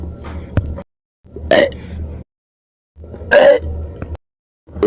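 Two loud, rumbling throat bursts separated by pauses, with softer noise around them. Repeated burps (belching).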